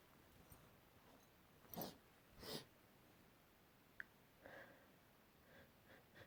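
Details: Repeated sneezing at home after working with wood and dust: two loud sneezes followed by softer sniffs and snorts in a quiet room.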